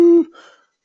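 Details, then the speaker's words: Adult imitation of stridor, a brief high-pitched musical crowing on a sharp indrawn breath, illustrating the inspiratory noise of upper airway obstruction in children, with seal-like barky cough mentioned. "you may hear that inspiratory noise uh that uh sounds like a uh u a gasp um or if they cough they might have have like a seal-like barky cough you know like or the inspiratory noise of Strider"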